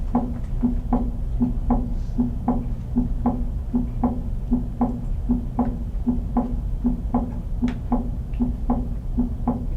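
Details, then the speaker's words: Physiological split S2: regular heart sounds near 77 beats a minute, with the second sound briefly splitting on inspiration, a normal finding. "This is a split S2, so essentially inspiratory."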